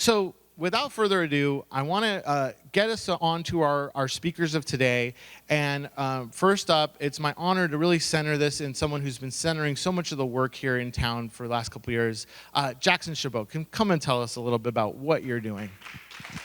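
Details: Adult speaker; normal voice.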